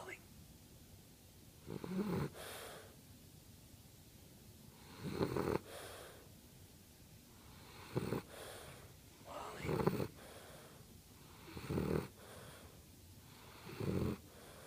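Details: Regular rumbling snores about every two seconds, roughly 16 breaths a minute, over steady room hiss; ordinary snoring.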